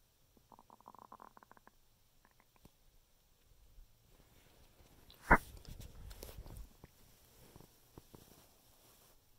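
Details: Bowel sounds (borborygmi) after eating 6 very thin supermarket assortment-platter cookies: gurgling, bubbling stomach rumbles with one louder squelch.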